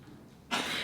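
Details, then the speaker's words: Older pet cat's sneezing fits: a sudden sharp, hissing burst of air in a quiet room; an earlier vet visit attributed them to food getting up her nose. "You can just hear her sneezing up a storm back there. And that sound, you would think it's like, oh, there's something bad."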